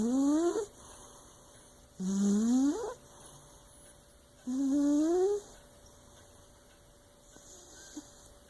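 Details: A cat snoring in sleep, sounding like a man: three loud, whistling, rising snores about every two and a half seconds, with quiet exhalations between them.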